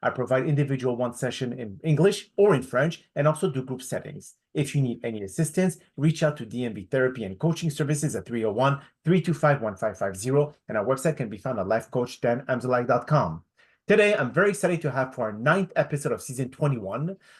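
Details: Adult male speaker; normal speech.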